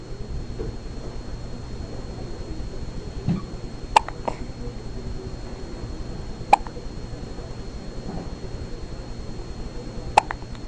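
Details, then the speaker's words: Baby lying on father with hiccups: three brief, sharp hiccup clicks a few seconds apart over steady room noise; ordinary hiccups. "Hey, darling. You got the hiccups? Huh? Yeah."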